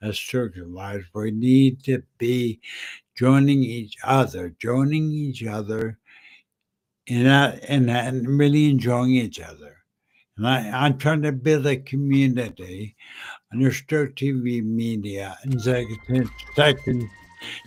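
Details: Adult man with aphasia and short-term memory loss caused by a stroke in September 2015; aphasia.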